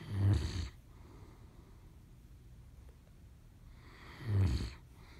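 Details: Dog snoring: two loud, deep snorting snores about four seconds apart, quiet between them, from a sleeping dog.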